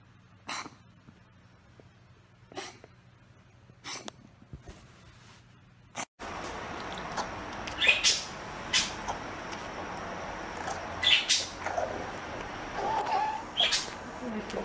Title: Cat Coughing